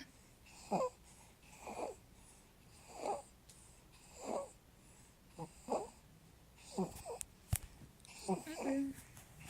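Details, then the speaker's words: Stridor in a 3-month-old boy whose breathing is improving as he slowly outgrows it; he still vomits despite Zantac. Regular, harsh, squeaky noise on each breath, about 50 a minute. "I have Strider. He's breathing a lot better."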